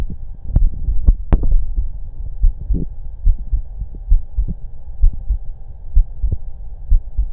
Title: Auscultation Of My Heart During breatholds